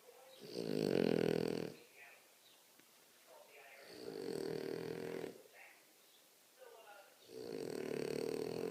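Loud, rough, vibrating snores about every three seconds, each on a slow breath in, with quiet pauses between; ordinary heavy snoring.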